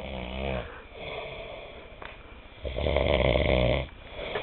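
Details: Loud, rough, rattling snores on breathing in with a quieter breath between, from a sleeping man; ordinary heavy snoring.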